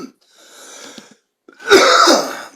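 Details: Adult man who says he has smoked since age 10 and always coughs: quiet breathy lead-in, then one loud, harsh, rough smoker's cough.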